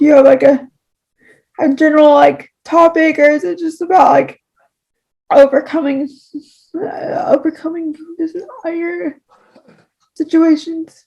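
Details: Speech disfluency (word repetitions, prolonged sounds, long pauses) in a podcast host who has cerebral palsy.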